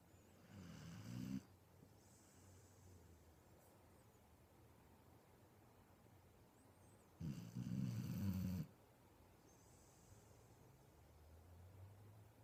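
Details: Ten-year-old Wheaten Terrier sleeping between his owners, snoring loudly with low rumbling snorts on inhalation and softer breaths between.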